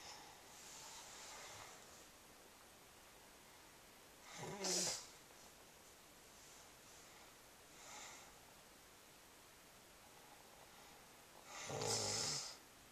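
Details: Pregnant woman who never snored before pregnancy, snoring in sleep: quiet breathing broken by two short, snorting snores against steady room noise.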